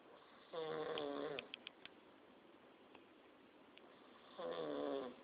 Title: weird snore